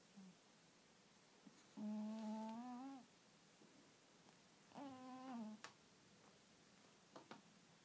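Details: Two drawn-out, tonal, faintly whistling snores from a sleeping cat, about three seconds apart, with quiet room noise between them: cat snoring.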